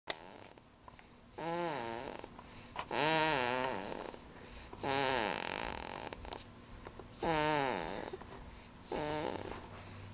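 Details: Loud rattling snores repeating at an uneven pace, several in ten seconds, each a long rough sound with rising and falling tone: snoring.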